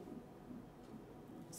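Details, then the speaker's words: Pulsed-wave Doppler of the fetal middle cerebral artery, sampled in the head region after colour flow identification during pregnancy ultrasound: faint rhythmic whooshing pulses at about 150 per minute. "Middle সেবা আর্টারিটাকে identify করলাম। Identify করার পরে এখন আমরা Doppler দিচ্ছি।"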